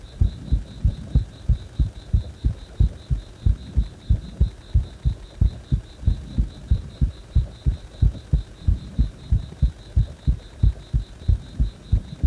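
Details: A heart that stays fast even after release from compression: a steady, evenly spaced thumping heartbeat at a quick pace with a faint high background tone; tachycardia.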